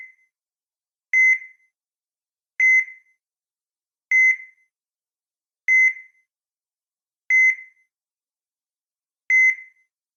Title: Heart Monitor Sound Effect